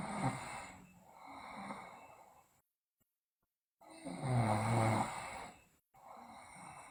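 Sleeping child with loud, rough snoring breaths separated by brief silences; snoring during sleep.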